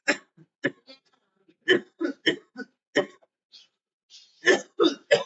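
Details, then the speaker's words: A run of short, dry coughs, roughly a dozen in five seconds, heard over a phone line in a quiet room from a person who says they still have a cough, are getting sick and their throat is starting to swell; cough. "still have a cough. Yeah, it sounds like it. I hope you feel better soon."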